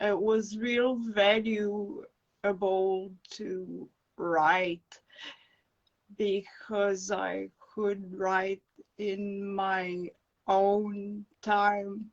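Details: Adult woman with acquired brain injury from encephalitis and an anaesthetic-related injury; non-fluent aphasia, with slow, broken speech and dropped words when fatigued.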